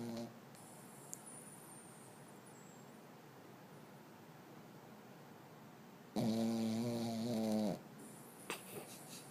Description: Dog snoring like a human!